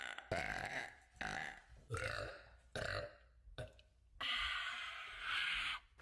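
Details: Burp compilation: a run of five loud, rough, gurgling belches, the last one long and drawn out; burping.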